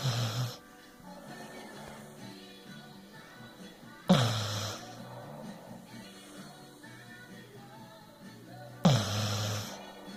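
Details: Snoring: loud rattling snorts about every five seconds over background music.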